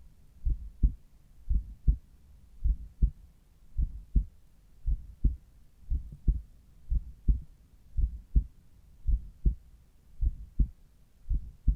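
Steady paired lub-dub heart sounds at about 55 beats a minute, clear and regular, heard at the apex; an ordinary heartbeat.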